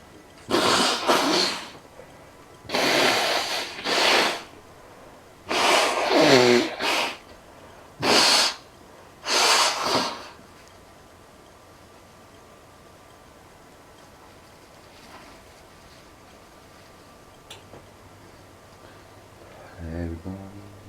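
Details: Adult sneezing repeatedly with a runny nose, like a tap: quick bursts of sneezes over ten seconds, then the room falls quiet.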